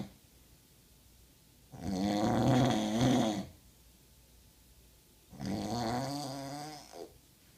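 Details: Person snoring heavily: two long, loud, rough rattling snores on the in-breath with a grunting, pig-like quality and quiet pauses between; snoring.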